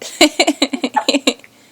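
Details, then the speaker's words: Someone in a bathrobe, legs kicking and whole body jerking with the hiccups, gives a quick run of about nine short, sharp voiced catches in under two seconds: repeated hiccups. "yeah look at them legs going yeah your whole body's mad at the hiccup"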